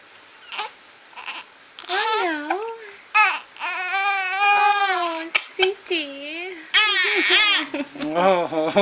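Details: Infant with hiccups fussing and crying in short rising and falling bursts with brief pauses, in a small quiet room.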